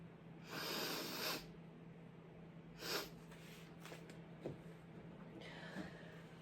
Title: even more sick chhinkni sneezes